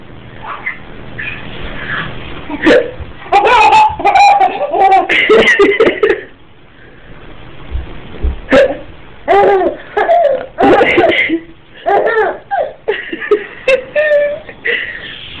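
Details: An adult's sudden sharp hiccups, answered by bursts of laughter from a 6-month-old infant; hiccups.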